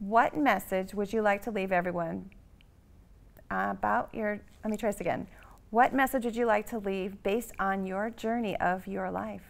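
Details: Adult speaker, likely a woman; normal speech.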